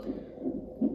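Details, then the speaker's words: Mother admitted in the labour ward before delivery; fetal monitor in the background gives rapid rhythmic whooshing pulses, about 160 a minute: normal fetal heartbeat on Doppler monitor. "So background ಅಲ್ಲಿ ನನ್ನ baby heart beat ಕೂಡ ನೀವು ಕೇಳಿಸಿಕೊಳ್ಳುತ್ತಾ ಇದ್ದೀರಾ ಅಂತ ಅನ್ಕೋತೀನಿ"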